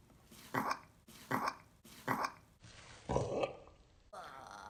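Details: A 7-month-old baby boy burping after eating, with burps sounding adult-like: short throaty belches repeated several times in quick succession, nearly identical; baby burping.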